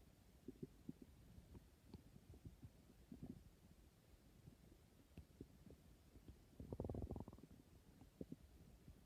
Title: Growling tummy #hunger #stomach #growling #hungry